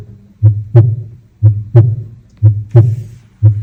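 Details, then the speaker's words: Heart auscultation at the aortic point during cardiovascular examination demonstration: regular paired heart sounds about 60 a minute, S2 louder than S1, normal aortic-area heart sounds. "here. S2 louder because S2 closure of aortic wall."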